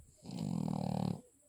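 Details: Cavalier King Charles Spaniel dog asleep: one loud, rough, buzzing breath of about a second with a rattling vibration throughout: heavy snoring.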